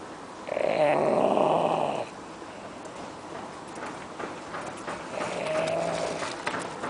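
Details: Two drawn-out, rasping snores, the first louder, separated by quiet breathing, from a sleeping Irish dog: snoring.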